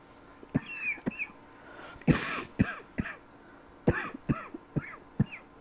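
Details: Persistent dry cough all night from a tickle that will not go away: a run of about eight short, sharp, dry coughs with little rattle between them.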